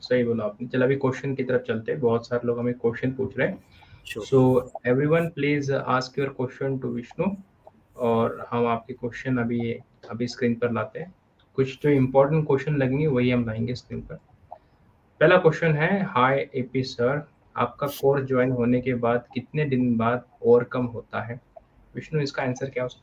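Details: Adult male speaker; no disorder.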